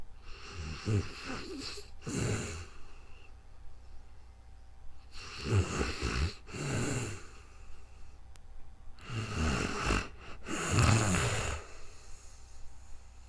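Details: Real-time recording of a person sleeping, made with a new microphone: steady rhythmic snoring at about 14 breaths a minute, each with paired rattling bursts over faint room hiss.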